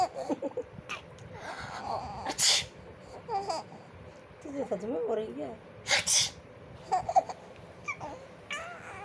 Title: my cute munchkin laughs everything i sneeze